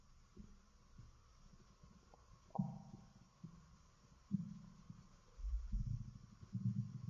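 Low gurgling and rumbling bursts with a few squeaky tones, irregular in timing: ordinary stomach growling from gas and fluid moving.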